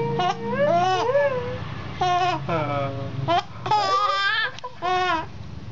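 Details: An infant son hiccups and laughs loudly, with high-pitched bursts of voice like fussing, crying and laughing sounds in a small room: infant vocalization.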